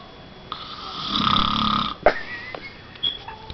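One long, loud rattling snore on an in-breath, then a snort and quieter room sounds.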